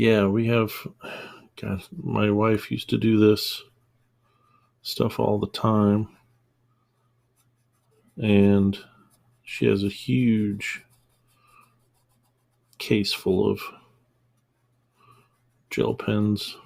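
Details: Stuttering in an adult man, real, who calls it a small stutter that worsens with stress, upset, anger or embarrassment; he has trained himself not to stutter audibly, so it mostly appears as mid-sentence pauses.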